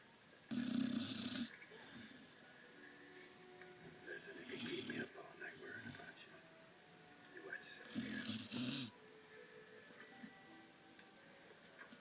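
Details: Shar pei dreaming while asleep: three short, snorting, snore-like breaths several seconds apart, with faint television or background sound; snoring.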